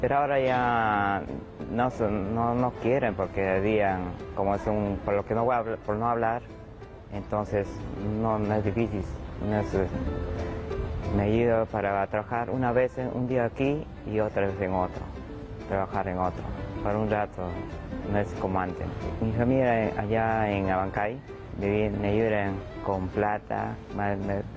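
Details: 41-year-old patient with conduction aphasia after a 2016 stroke; partially fluent speech with word and sentence errors and paraphasias; receiving therapy for repetition, naming, auditory discrimination, reading and writing; conduction aphasia.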